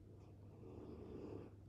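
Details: Pet snoring loudly just outside a studio door: low, rumbling, steady noise swelling in the middle.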